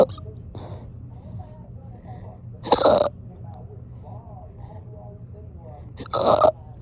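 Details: Two abrupt, loud, voiced bursts about three and a half seconds apart over quiet room noise; persistent forceful hiccups that have gone on for hours.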